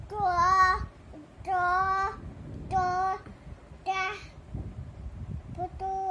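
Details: Child with a cochlear implant in speech therapy, repeating or reciting words after parental prompting.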